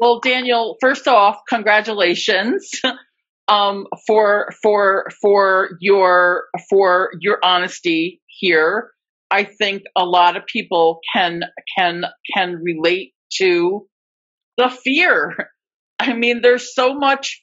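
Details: Adult webinar host who stutters, speaking at a stuttering association event, with part-word and whole-word repetitions; stuttering.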